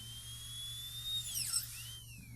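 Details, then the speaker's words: High-pitched high-speed dental drill whine dipping as it cuts over low room hum; gingerly drilling corners and cutting from facial and lingual walls to extend gingival clearance in a distal-occlusal (DO) amalgam preparation demonstration. "Drill a hole gingerly in the corner and then cut away from the facial wall. Same thing on the lingual side."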